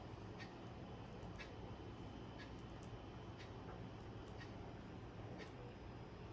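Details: Resonant percussion note over the chest, heard during an internal medicine OSCE demonstration of thorax and lung physical examination using anterior and posterior approaches.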